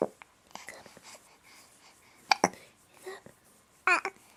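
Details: Hiccups in a 4-week-old infant: sharp, abrupt catches of breath breaking through soft babbling and whispery sounds.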